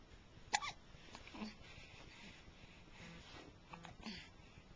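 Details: A few short, sharp hiccup-like catches over soft room noise; a person with hiccups.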